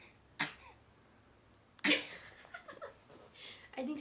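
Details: Young girl deliberately producing a fake cough, confirmed voluntary by a doctor: two short, sharp, forced cough bursts imitating an illness cough.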